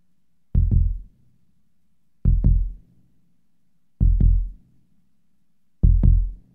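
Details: Sound effect, not a real patient: four deep paired lub-dub thumps, very slow at about 34 per minute, gaps lengthening slightly; slow heartbeat (bradycardia).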